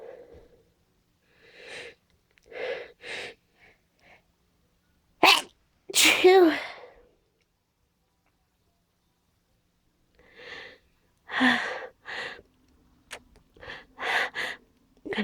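Repeated catching breaths building to two strong sneezes, then more sniffing and stifled attempts, as with a sneeze that keeps getting stuck.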